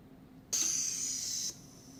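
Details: Eurus emergency ventilator, a low-cost device that automates a manual resuscitator bag using a blood-pressure cuff, shown during a demonstration: a single sharp one-second hiss of air as the cuff vents.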